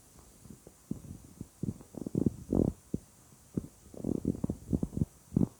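Irregular low gurgles and bubbling rumbles in short bursts; ordinary stomach rumbling from gas and fluid moving through the gut.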